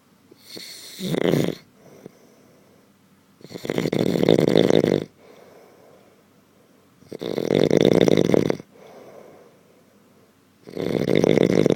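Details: Genuine, not faked, recording of a sleeping man whose loud snoring does not wake him: rough rattling snores on each breath in, quieter breaths out, about 16 breaths a minute.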